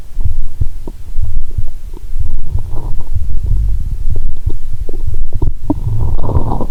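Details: Adult lying down after drinking cola with Mentos, stethoscope on the abdomen, heartbeat also audible: deep muffled thuds and rumbles with irregular bubbly gurgles; active bowel sounds.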